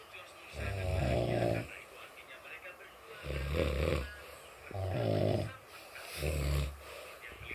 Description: Ngorok vs Ngorok, Mana yang Lebih Nyaring suaranya?